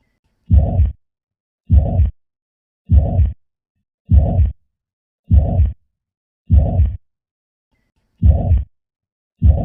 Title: Heart sound || Mitral regurgitation and Tricuspid regurgitation